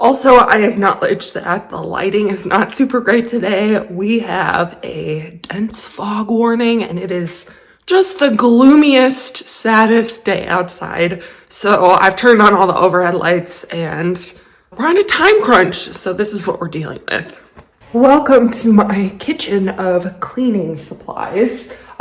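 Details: Vocal tremor in an adult woman who describes a lifelong vocal disorder that is a medical condition.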